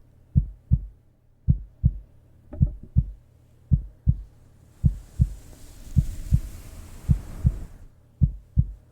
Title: Pets and heartbeat sounds for sleep!